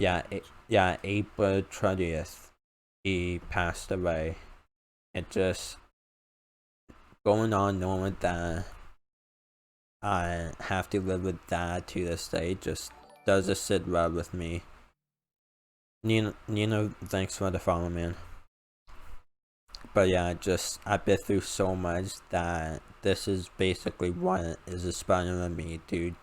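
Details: Male speaker with an uncontrollable speech impediment, improved after about 10 years of speech therapy, formerly relied on an iPad button talking device, unused for almost three years; speech impediment.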